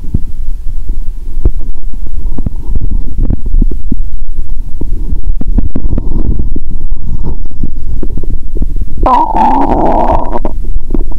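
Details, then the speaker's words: Stethoscope over the upper stomach after fasting over 15 hours, then drinking Coke with Mentos; she has burped and feels full. Continuous low gurgling and rumbling with a louder bubbling burst near the end: active bowel sounds. "You can hear a different sound from the upper stomach 👂 ♪. Did anyone burp in my stomach now? 😂."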